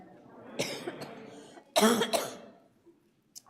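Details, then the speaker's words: Adult woman's asthma cough in a quiet church hall: a single harsh cough burst, then a second louder cough with a throat clear. "And that is my asthma cough. Tanya and I were sharing it."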